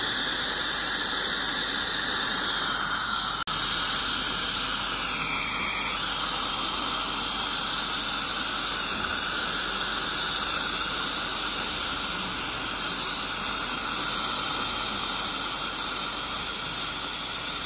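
Steady high-pitched hiss and whine of dental cleaning instruments, an ultrasonic scaler and air-polisher spray, running continuously during a routine hygiene cleaning.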